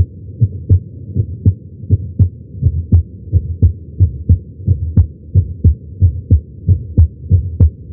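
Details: Heart sounds recorded with a Stemoscope electronic stethoscope at the tricuspid area while lying on the chest during chest pain; steady low thumping heartbeat at about 90 beats a minute.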